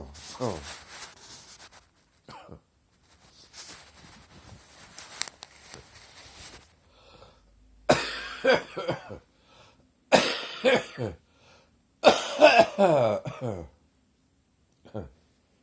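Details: An adult's morning cough: a run of harsh, loose coughs after some throat noise: chesty productive cough.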